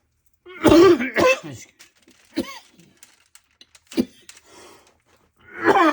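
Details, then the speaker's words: Adult man with a sinus infection clears his throat and gives short coughs, with brief pauses between, in a small room. "I know you can hear me cough, but anyway."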